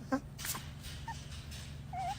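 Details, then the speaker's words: Bat sneezing: a small, innocent-sounding animal sneeze. "Next है चमगादड़ जिन्हें देखकर तो ऐसा लगता है कि मानो पास आती ये तो खून ही चूस देंगे। पर मुझे यह नहीं पता था कि यह इतने मासूम तरीके से छीकते हैं।"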